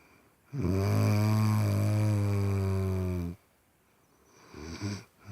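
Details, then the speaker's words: One long, loud, low rattling snore of about three seconds on a breath, then quiet, from a sleeping person; typical snoring. "Itulah suara orang ngorok, suara orang tidur mengorok."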